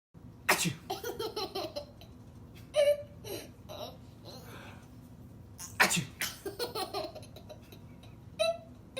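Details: An adult gives repeated loud sneezes while a baby laughs between them; sneezing.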